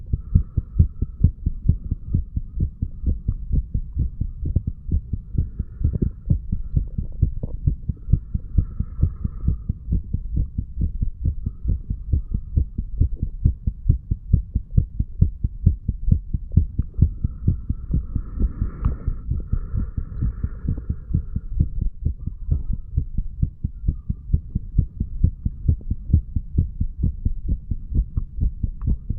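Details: Heart sounds of a 35-year-old male recorded himself by stethoscope after drinking too much alcohol, a few hours after going to bed, moving from mitral to tricuspid area: steady, regular low thumps with faint background hum.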